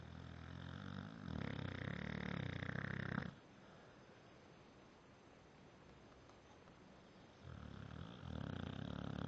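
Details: Sleeping pit dog snoring: two long, loud rumbling snores on the in-breath separated by a quiet out-breath; snoring.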